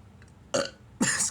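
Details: Burping in a Charlie Chaplin film scene about a character with hiccups: two short, voiced, throaty bursts that sound like burps rather than hiccups.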